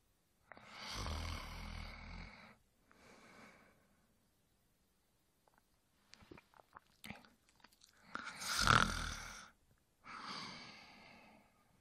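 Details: Adult male snoring during sleep: deep, rumbling snores alternating with breathy exhales, with small rustles in between.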